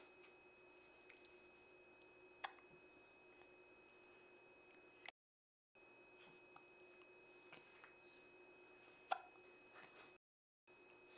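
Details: A child with hiccups: a few brief, sharp hiccups several seconds apart against a quiet, steady room hum.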